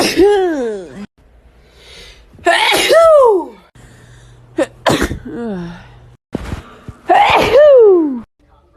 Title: female tiktok sneeze 175